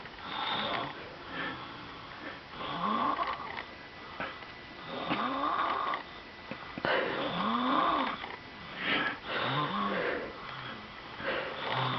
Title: Baby Snoring